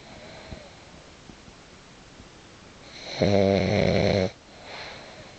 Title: Hugo (Boss) The Pug - Snoring